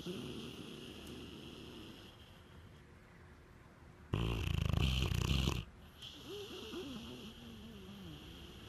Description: Diesel 8month old 80lb pitbull snoring like a grown man